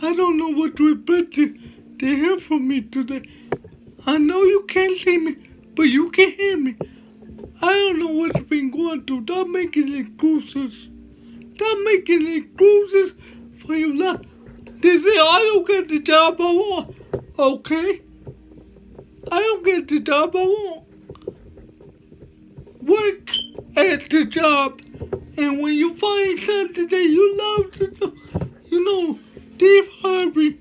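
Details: Man with cerebral palsy, which he names himself, giving a motivational talk with slurred speech: dysarthria (cerebral palsy).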